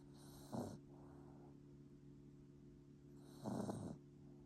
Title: 코골면서 자는 비숑 강아지 bichonfrise puppy snoring